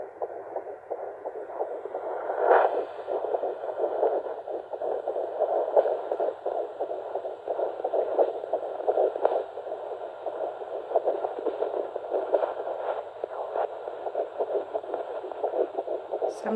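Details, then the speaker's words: Fast, regular whooshing fetal heartbeat on a home Doppler, found by pressing firmly in the middle of the pregnant abdomen. It is clearly quicker than the mother's own strong heartbeat, which can otherwise overpower it. "it's a little tricky to get it but you can tell by how much faster it is they like to screw around in there"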